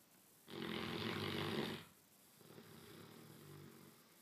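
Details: Sleeping 6-month-old Great Dane puppy: a loud rumbling inhaled snore over a second long, then a softer fluttering exhale; ordinary snoring.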